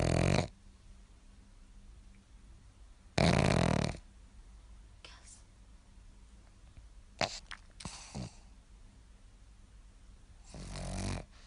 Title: Gus the pug snoring 😂